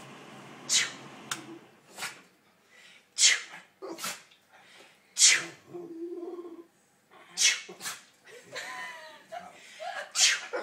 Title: Dog copying owner sneezing